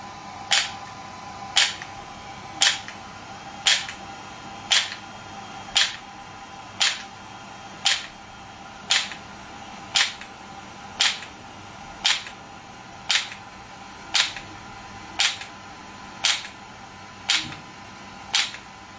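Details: Shockwave therapy device (SW5S), used for erectile dysfunction and plantar fasciitis, firing with patient's feet positioned for treatment: sharp, regular clicking pulses at about 57 per minute over a faint steady hum.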